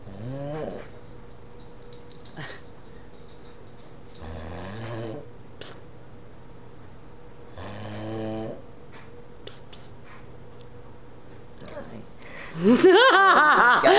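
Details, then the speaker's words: Woman sleeping on a couch, snoring: several buzzing, tonal snores a few seconds apart, then a loud squeaky whining sound at the end. "She's sleeping on my couch and snoring."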